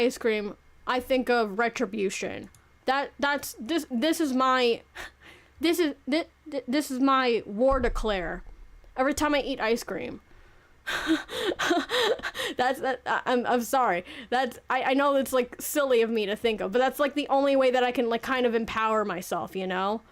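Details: Adult woman who had delayed speech as a child, first speaking around age three, and says a speech impediment with some stuttering persists now; stuttering.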